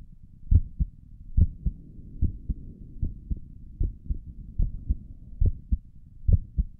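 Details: ASMR recording of the creator's own heartbeat through a stethoscope on the chest; regular lub-dub at about 70 a minute with faint soft rustle between beats; stomach gurgles occur during the recording; normal heart sounds.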